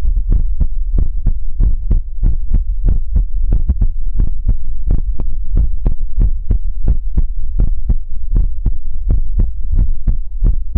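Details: ASMR livestream heartbeat sound effect: fast, regular, deep low thumps around 160 beats a minute over a constant hum.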